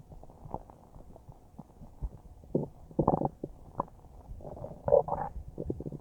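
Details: Normal bowel sounds recorded about a minute after eating a huge bowl of spaghetti: irregular gurgles and bubbling rumbles from a full, churning stomach.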